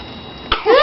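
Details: Newborn baby boy sneezing: a single sharp, tiny sneeze in a quiet room, followed by a brief voiced sound.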